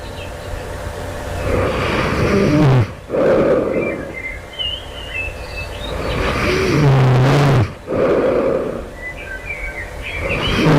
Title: loud snoring right before awakening, this night. do it sounds like i developing sleep apnea?